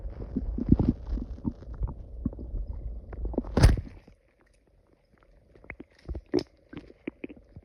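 Low rolling rumbles and gurgles, then quieter scattered pops after a pause: stomach growling from gas and fluid moving through the gut.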